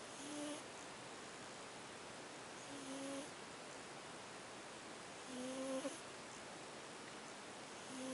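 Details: Female who often snores, recorded asleep: soft, faint tonal snores recurring every few seconds against room hiss; snoring during sleep.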